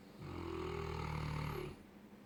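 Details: 4-year-old Neapolitan Mastiff sleeping on a bed: a single long, low, rumbling snore on one breath; snoring.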